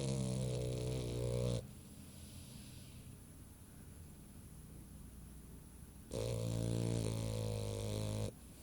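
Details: Female dog snoring with her eyes open: two long, deep, buzzing snores with a quiet gap of about four seconds between them.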